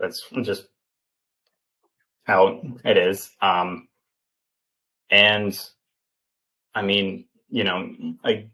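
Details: Stuttering in a 28-year-old man, an open stutterer, speaking in an interview; he has stuttered since childhood and had speech therapy from elementary through high school.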